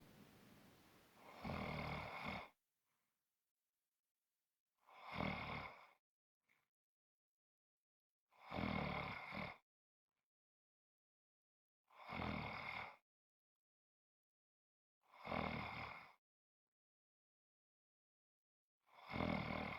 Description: This is a 5 1/2 minute clip of snoring.